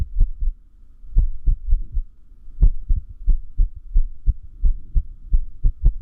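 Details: Irregular heartbeat sounds (arrhythmia), said to increase with lack of sleep.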